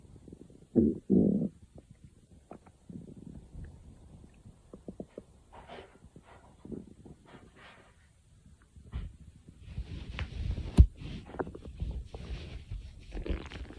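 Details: Stomach growling (borborygmi): a loud low growl followed by scattered gurgles, squeaks and bubbling bowel sounds.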